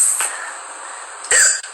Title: Tik Tok Hiccup Girl #7